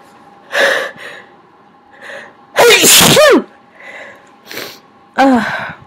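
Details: Quiet breathy build-up then two loud, forceful sneezes with a voiced cry-like burst from an adult who is sick again with frequent sniffling; sneeze.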